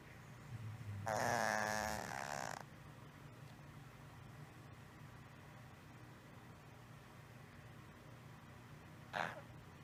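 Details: 6-year-old female cat, one month of snoring noise from the throat area, mostly at rest or asleep, at the top of inhaling; frequent mouth breathing, no improvement after 3 weeks of antibiotics: coarse snoring rattle on inspiration, then brief snort; stertor.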